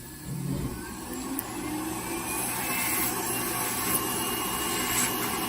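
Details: Steady high motor whine with grinding texture as a rotary nail grinder files down a thick, layered, possibly fungal toenail of an older diabetic man with a prior stroke.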